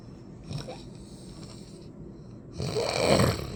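Soft breathing followed by a louder rattling, snorting inhalation: snoring.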